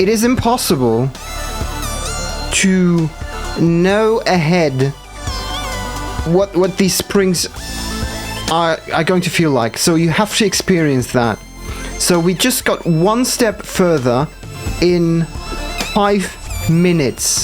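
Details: Stuttering in a man who says it appears when he must concentrate hard, especially on actions not yet in muscle memory.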